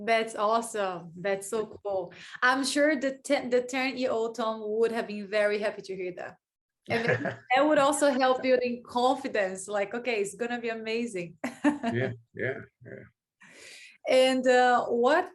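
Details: Adult woman speaking; Ordinary fluent speech.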